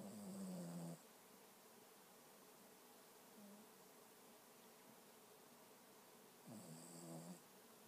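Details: Person sleeping and snoring: two buzzing snores about six seconds apart over a faint background hum, quiet and regular.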